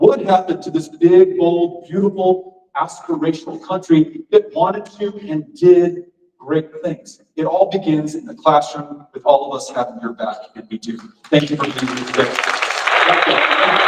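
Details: Adult man speaking to an audience; ordinary speech.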